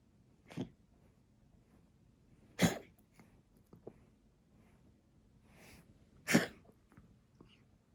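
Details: Tabby cat with asthma coughing: three short, harsh, forceful expulsive bursts with quiet gaps, a dry hacking feline asthma cough.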